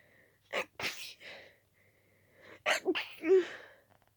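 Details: Intense sneezing fit from a very itchy nose in a person highly allergic to dust: rapid, wet, stuffy sneezes in quick succession with short, sharp in-breaths and barely time to breathe between them; some sneezes partly stifled.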